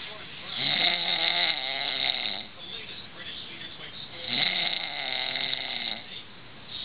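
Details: Two long, rough, buzzing breaths about four seconds apart, roughly fifteen a minute, in a hissy, muffled recording of a man sleeping on a couch; snoring.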